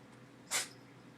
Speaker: oh he's sneezing my kitty's got the sneezes keeps licking his nose